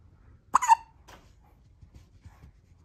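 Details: Sleepy newborn baby boy falling asleep with the hiccups in a hospital maternity care room: a single sharp, high hiccup with a brief squeak, then quiet breathing.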